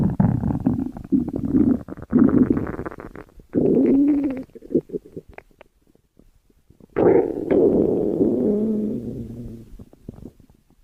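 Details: Long low gurgling rumbles with bubbly pops from the belly, coming in waves as gas and fluid move; ordinary stomach growling (borborygmi).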